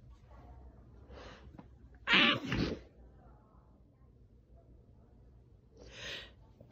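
A loud, muffled sneeze burst, dampened against cloth, with softer breathy sounds before and after.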